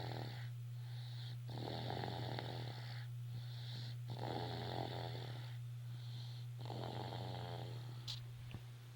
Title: snoring